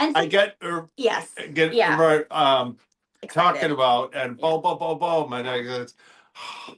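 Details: Expressive aphasia in an adult male after a stroke in October 2025 affecting the Broca speech centre.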